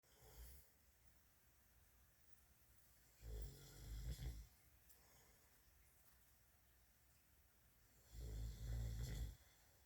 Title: Hamster is confused by snoring 😐